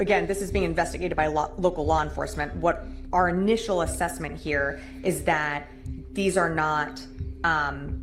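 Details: Adult speaker; Normal voice.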